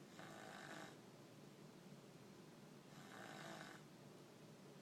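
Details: Two soft, rough, rasping breaths about three seconds apart over steady room hiss; quiet, regular snoring.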